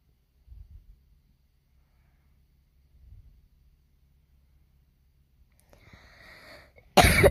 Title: is this a new record?? (don't mind my cute cough) #slightlystoopid